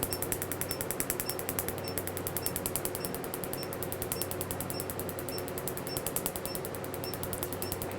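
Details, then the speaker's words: Revlite multi-wavelength Q-switched laser on a black tattoo, first treatment, not a cover-up, after topical anesthetic: rapid, steady snapping clicks about ten per second over a low machine hum, laser pulses painted over the ink. "now that is a very nice fluence I can feel in the skin um the um snapping feel when you're really targeting the ink"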